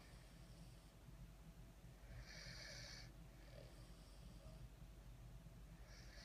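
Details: Soft, noisy snuffling snores with whistly snorts over steady background hum from napping French Bulldogs snoring.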